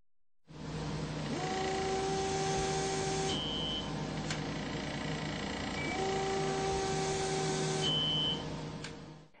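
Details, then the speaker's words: ATEC vacuum-assisted MRI-guided breast biopsy device, foot switch held: steady motor whir with a rising tone, a beep every 4.5 seconds ending each tissue-cutting cycle, and manual handpiece rotation during the resting phase after the beep. "tissue acquisition occurs every 4.5 seconds a beep indicates the end of one cutting cycle manual rotation of the handpiece occurs just after the beep during the resting phase of the biopsy cycle"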